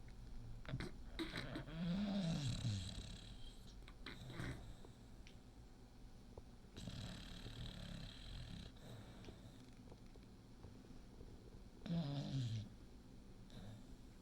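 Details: Snoring in a 6-year-old female English Bulldog, possibly awake with eyes twitching and half open: deep grunting snorts with breathy rasping, recurring about every five seconds, over room noise.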